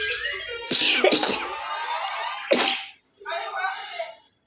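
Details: Real sneezing and nose blowing from a person with a cold: two sharp explosive sneezes amid voices and background music.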